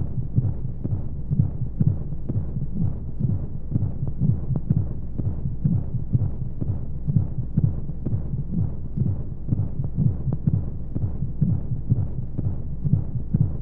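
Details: Womb-sound sleep aid for babies: steady, muffled low thumps at about 125 a minute over a continuous whooshing rumble of flowing noise, womb-style heartbeat sound; heartbeat.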